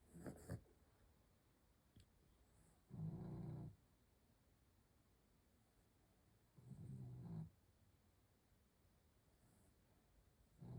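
Low rumbling snores on slow breaths, roughly 16 a minute, in a quiet room: a sleeping dog snoring.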